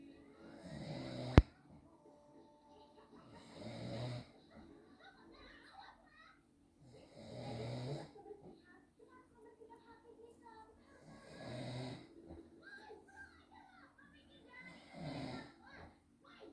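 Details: Adult father snoring while asleep, filmed by his wife or daughter because he did not believe he snores: rough, rattling snores on each in-breath, about 16 per minute, with quiet gaps between.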